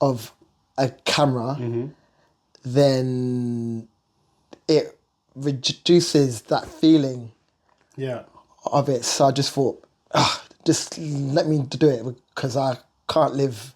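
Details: Stuttering (stammer) in an adult male singer who lives with it.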